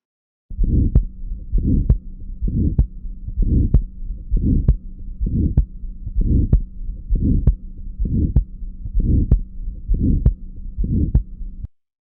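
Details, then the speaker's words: Aortic stenosis: regular heartbeat with a crescendo-decrescendo (diamond-shaped) systolic ejection murmur that starts just after the first heart sound, rising then fading between the heart sounds. "Ahora vamos a escuchar el soplo sistólico eyectivo de una estenosis aórtica."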